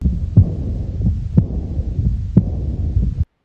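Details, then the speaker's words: Early diastolic murmur of aortic regurgitation at the right second intercostal space: soft, blowing, aspirative, decrescendo, starting right at the second heart sound; regular heartbeat near 60 a minute. "qui siège au niveau du deuxème espace intercostal droit et le timbre elle est doux aimé aspiratif et l'aspect phonocardiographique est triangulaire et commence dès le de deuxème bruit"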